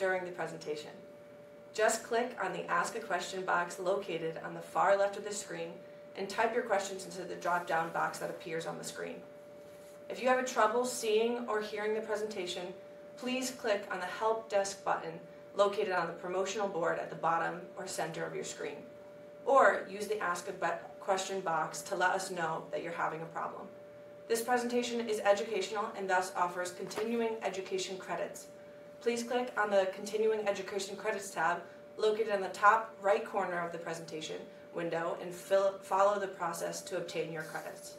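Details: Adult woman speaking; normal speech.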